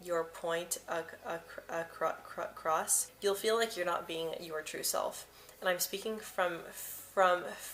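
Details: Adult woman who stutters and says she hid her stutter and avoided words in the past; part-word and whole-word repetitions heard. Finding: stuttering.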